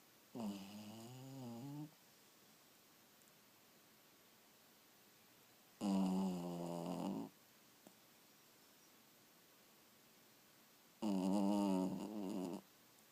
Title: 90 seconds of my dog snoring. Lame I know but oh so cute.